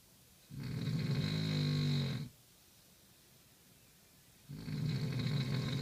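Loud, rattling snores on inhalation, about two seconds each, separated by quiet exhalation. Heavy snoring.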